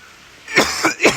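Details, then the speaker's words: Three quick, harsh coughs in rapid succession, part of a coughing fit after inhaling smoke: coughing fit. "I had to go outside so know my [ __ ] cough my brains out little light at the bottom"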